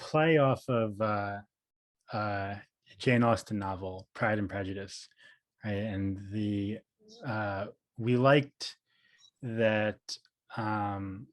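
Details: Stuttering in an adult man, a speech therapist who describes himself as a person who stutters; audible repetitions and fillers; finding: stuttering.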